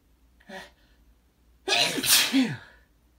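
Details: An adult male's wet morning sneeze: a short catch of breath, then one loud, wet, explosive sneeze.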